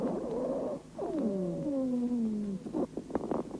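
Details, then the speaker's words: Lung auscultation of a patient during a bronchial asthma attack: dry rales (wheezes) formed by bronchospasm and narrowing of the bronchi by viscous exudate. "сейчас вы слышите сухие хрипы у больного во время приступа бронхиальной астмы они образуются в результате спазма бронхов и сужение вязким экссудатом"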